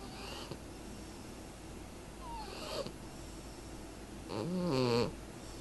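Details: Snoring from a sleeping cat, Lady Pumpkin: soft breathing noises and one louder, tonal snore near the end.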